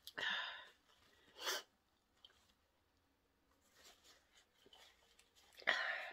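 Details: Woman sniffing pepper to provoke sneezing: several short sharp bursts of air with quiet gaps between; repeated induced sneezes.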